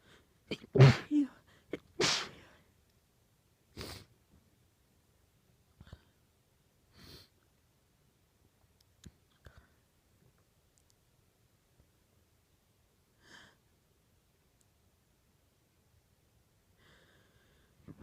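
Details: 18-year-old female sneezing into an old T-shirt trying to stay quiet: two strong muffled sneezes, then a few smaller muffled sneezes and breaths in a quiet room; powerful sneezes.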